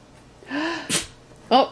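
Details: Dog sneezing, apparently on cue during repeated attempts, with the owner praising it: a short nasal intake, then a sharp sneeze burst and a brief vocal sound.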